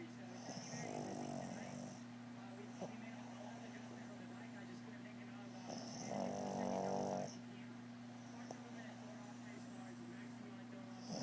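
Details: Soft, rhythmic snuffling snores from a sleeping pug, a small flat-faced dog, with a steady hum in the background.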